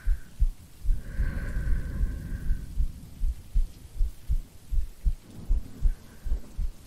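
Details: Simulated ASMR sleep-aid recording of a woman's heartbeat: steady, soft low thumps at about 78 beats a minute, a regular normal heartbeat, with faint rain and a soft hum behind.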